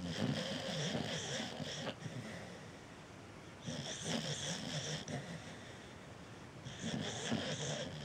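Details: A cocker spaniel dog snores while sleeping, with a cat sleeping in the background: snoring.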